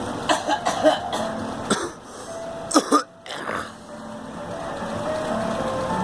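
A run of short, dry cough and throat-clearing bursts, then a quieter stretch, over a faint tonal hum of background traffic or music; an ordinary cough.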